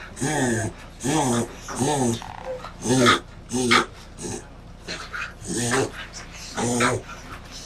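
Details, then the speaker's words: A dog's reverse-sneezing episode (paroxysmal respiration): a run of rapid, harsh honking snorts as the dog inhales. "Cependant, l'éternuement inversé est complètement différent. Le nom officiel de l'éternuement inversé est "respiration paroxystique"."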